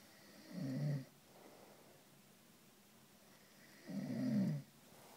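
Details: Two deep, rumbling snores from a man, about three seconds apart, with quiet breathing between them: snoring during sleep.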